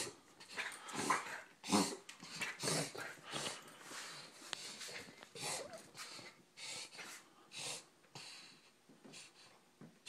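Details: Puggle with occasional breathing problems: repeated loud snorting, wheezy breaths, roughly 90 a minute, during an episode lasting minutes, earlier worse and described as his worst ever, audible from upstairs.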